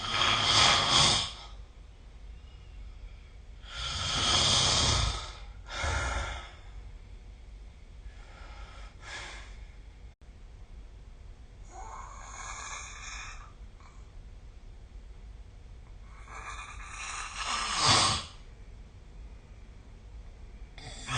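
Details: Snoring recorded with the SnoreLab app: noisy, hissing sleep breaths with snorting bursts at irregular intervals.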